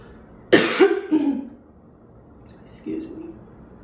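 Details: Single harsh cough of three quick bursts, then a softer throat-clearing, from an adult with a cold, raspy voice and bad sore throat for several days.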